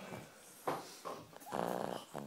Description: French bulldog snoring away